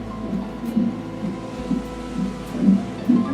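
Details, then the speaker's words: Rhythmic whooshing fetal heartbeat, about 130 a minute, over a steady hum, recorded by the lower sensor during cardiotocography of a pregnant woman, while the upper sensor records uterine tone onto paper. "Значит, два датчика. Верхний датчик — это тонус матки, записывается на пленочку. Нижний датчик регистрируется сердцебиение плода."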